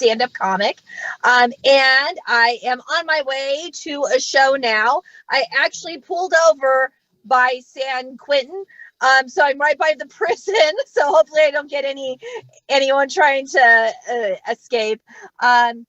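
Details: Adult female comedian who stutters, speaking live on stage, with repetitions; stuttering.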